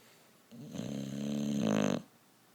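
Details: One drawn-out, rough buzzing breath with a fluttering edge near its end; a loud snore in quiet surroundings.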